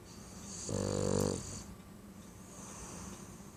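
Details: Baxter snoring up a storm: a single rattling, buzzy snore on an inward breath, then quiet breathing.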